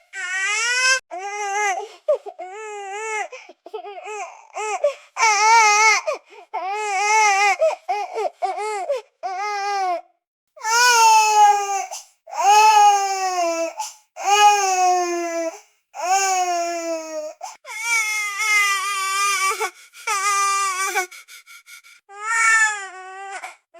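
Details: Sound effect of a baby crying in a tantrum: an infant cries hard in repeated loud, high-pitched wails with short breaths and brief pauses between.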